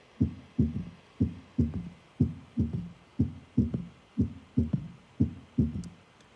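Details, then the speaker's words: Simulated S3 gallop heartbeat at about 60 per minute, played in a teaching demonstration: S1, S2, then an extra low thud, the third heart sound, giving a gallop rhythm. "So first I've got an S3 pattern here. S1, S2, and then S3 is in red, so I'll just play that very quickly."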